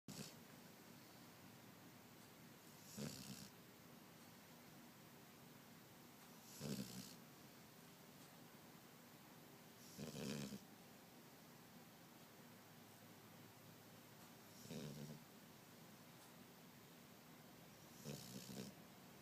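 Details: Snoring: five rough snores on the in-breath, evenly spaced at about 16 a minute, over a steady background hiss.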